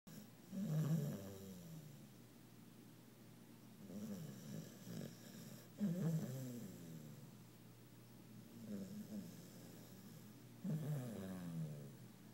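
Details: Low, rumbling, uneven snores, about 12 breaths a minute, from a female puppy deeply asleep, twisted up and twitching after a tiring day of play; ordinary deep-sleep snoring.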